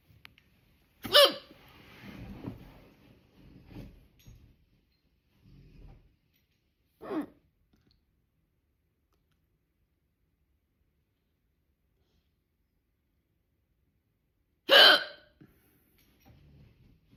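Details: Loud, sharp voiced hiccups, three in about 15 seconds, separated by quiet pauses while the breath is held; persistent hiccups not stopped by breath-holding.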